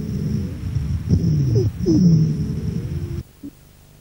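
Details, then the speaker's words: Teaching recording of dry rales from bronchial obstruction: low, snoring rhonchi with gliding musical wheezes over the breath sounds, described as occurring in spasmodic bronchitis, asthma and emphysema. "escuchen entre los estertores secos provocados por obstrucción bronquial escucha a continuación las civil ancianas y los roncos que son a predominio respiratorio i"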